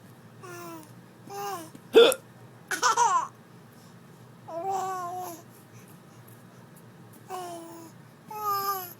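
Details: Baby laughing at his own hiccups: babbling and giggling broken by two sharp, abrupt hiccup-like catches in the voice.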